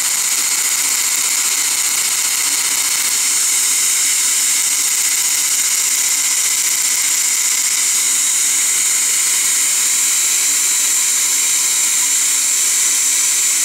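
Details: Dental laser running during laser-assisted root canal on a lower bicuspid, used for access, caries removal, debridement and decontamination: continuous hissing, airy whine with faint rapid pulsing.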